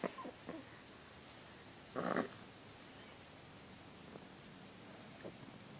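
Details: A dog gives a few small huffing sounds and one brief, louder cough-like burst amid quiet room noise; dog cough.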